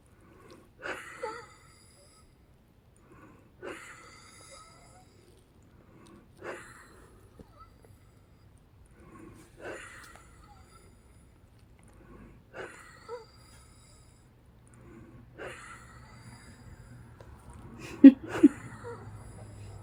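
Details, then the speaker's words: Labored breathing with wheezing in a female patient, third day of episodes, before a breathing treatment: regular, effortful breaths about 21 per minute, each with a faint whistling wheezy edge, judged more hard breathing than wheezing. "right here again right here it's like a combination of breathing hard and I think it's more like breathing hard than wheezing"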